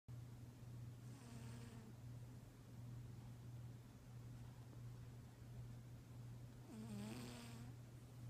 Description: Vinz Snoring in his sleep. Awwwww, sleepy kitty!